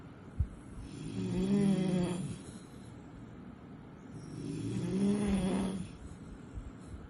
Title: cute puppy sleeping and snoring video 💝😻😻